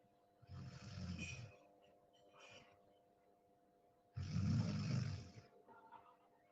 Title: Deep sleep 😴 sound on 😁 snoring sound 🤣 #deepsleep #sleep #sleeping #snoring #room